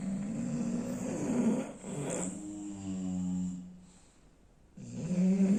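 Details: Sleeping bulldog snoring: loud, droning snore with a wavering, whistling pitch, a brief pause, then snoring resumes.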